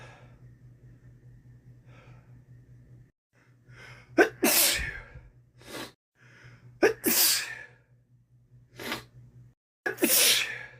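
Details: Sneezing after swimming, one episode from a day-long compilation: three forceful sneezes, each with sharp sudden onset and hissing burst, plus softer breathy sounds; repeated sneezing.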